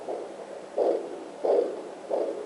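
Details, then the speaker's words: Home fetal Doppler probe placed on the left near the hipbone: fast maternal arterial blood flow, often mistaken for the baby's heartbeat but not fetal. "so it's fast and a lot of people mistake that as the baby but it's not the baby"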